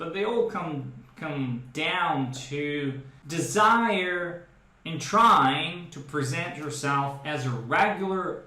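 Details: Adult man who stutters, with a brain predisposition he describes as a speech processing–articulation mismatch; speaking with the 'training speech' he developed in speech therapy for stuttering; stuttering.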